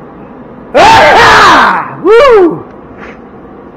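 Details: A loud sneeze, billed as the world's loudest, in a cold garage while sorting dusty brass and metal scrap.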